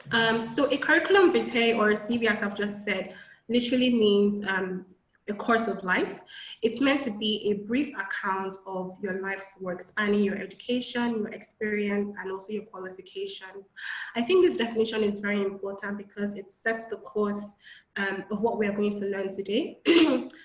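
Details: Adult woman speaking; normal speech.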